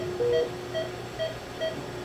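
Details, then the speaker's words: Repeating short electronic tones, roughly two a second, from a Philips MMS monitor during SpO2 testing, with a simulator set to 98% SpO2 and 140 beats per minute: high pulse rate alarm. "That's the pulse high for the 140 beats per minute. Should go away."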